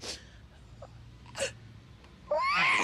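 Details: Adult woman on a reality TV show sneezing: a brief sharp sneeze burst followed by a loud voiced outburst over faint room noise.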